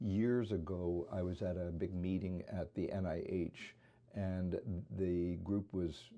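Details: Imitated atypical adductor spasmodic dysphonia, a focal laryngeal dystonia, in the variant leading with tremor: shaking, almost all wavering voice with a few small inserted catches (spasms).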